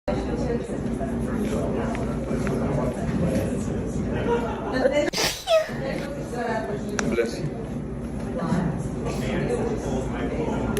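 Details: Prank "fart sneeze": a single sneeze-like burst amid crowd chatter and room noise, staged as a comedy prank.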